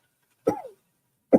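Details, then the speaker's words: Adult man with a persistent dry, hacking cough for several days that worsens when lying down to sleep: two short, dry cough bursts without mucus rattle in a quiet room. "It's just this little hacking cough. I can't can't get rid of it. And like I lay down and go to sleep and I start coughing."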